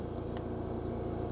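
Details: Respironics EverFlo oxygen concentrator running while a handheld oxygen analyzer is connected to the oxygen outlet to check purity, during biomedical equipment training: continuous low motor hum and rumble of a running oxygen concentrator.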